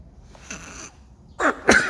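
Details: Quick breath in followed by a sharp sneeze burst, with speech before and after: a single sneeze.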